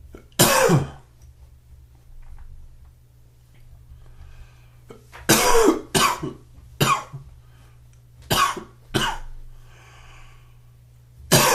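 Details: Typical morning cough: about seven harsh coughs, some in close pairs, with throat clearing between them in a quiet room, in a morning that also includes sneezing and sniffling.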